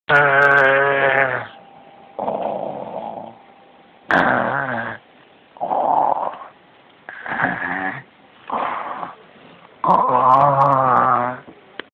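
Loud, rattling, buzzing snores alternate with softer, noisy breath sounds in a steady rhythm, with a faint room hum behind: snoring.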